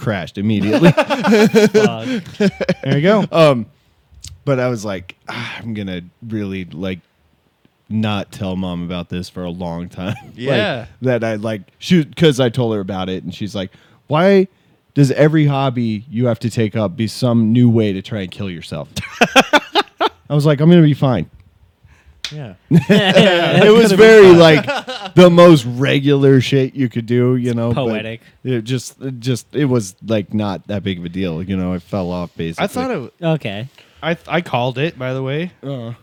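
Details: Adult man; typical adult male speech.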